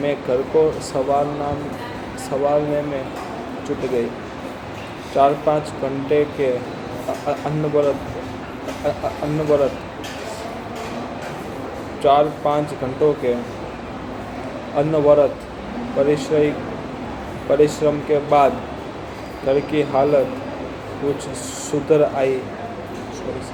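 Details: Adult man with stuttering reading aloud as a fluency exercise on day 65 of his stammering-control journey, practiced in a public hospital; repeated words.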